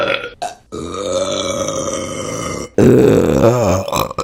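Loud, long, throaty belches, one drawn out nearly two seconds and another ending in a wavering tone; burping.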